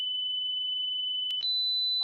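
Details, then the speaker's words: Steady, piercing pure tone stepping up in pitch, part of a rising high-frequency hearing-test sweep (around 8 kHz and above) used to screen for age-related hearing loss; many older listeners stop hearing it. "아 네 이제 8촌 넘어가 빨라요 안 들려 너 정말 많네 로 째 부터는 이미 안 들리기 시작해 보면 알아요"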